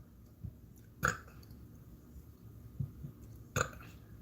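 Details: Belching (eructation) from a woman livestreaming, whose voice is getting hoarse and who believes someone is trying to block her throat.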